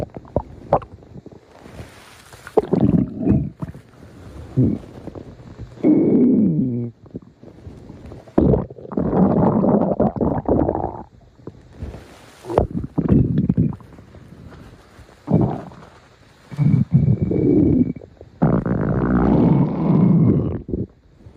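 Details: Close-up recording of stomach growling: loud, irregular gurgling and rumbling bursts from the abdomen, typical of ordinary borborygmi.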